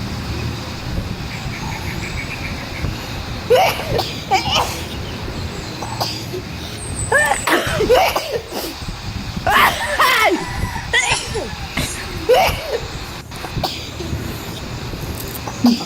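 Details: Several sharp, explosive sneeze bursts repeated, with laughter and background noise: sneezing.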